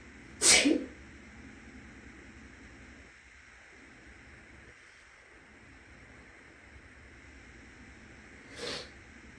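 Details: One loud, sharp sneeze, then a much softer second one several seconds later, from a woman who is still a little sick, in an echoing bathroom with a fan humming in the next room.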